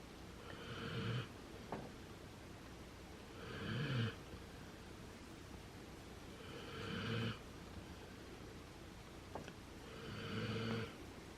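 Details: Lucky, a dog, snoring while sleeping next to his sister dog Chubbs: rhythmic, low, fluttering snores about every three seconds, roughly 19 a minute, against steady room noise.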